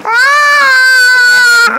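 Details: A baby crying in hospital during an injection given on the hip: a loud, sustained, high-pitched wail, clear and steady in pitch, with quiet room sound behind.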